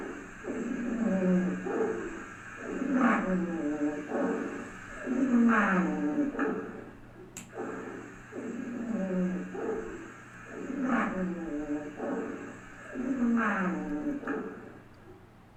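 Low-pitched, rumbling, snore-like continuous sounds repeat with each breath over quiet background hiss. These are rhonchi.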